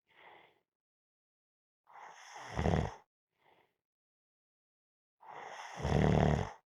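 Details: Two loud, rattling snores on inhalation during a nap, each followed by a soft exhalation, in a slow rhythm; snoring.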